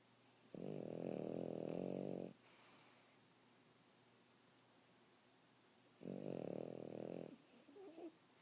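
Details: Boston Terrier puppy: loud, deep, rattling snores on each breath with long quiet gaps, about 10 breaths a minute; heavy snoring.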